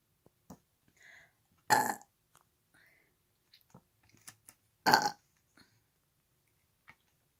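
Two loud, deep burps with a few faint mouth and breath sounds between them: belching.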